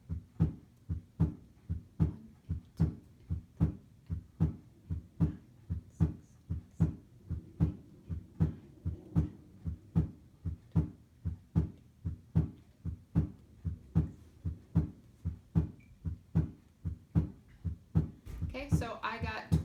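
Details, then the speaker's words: Simulated normal heart sounds on SAMII manikin for auditory quiz: regular lub-dub S1 S2 at about 80 beats per minute, normal rhythm. "this is what we're going to call our S1 S2 our normal heart rate so I'm going to go ahead and count this"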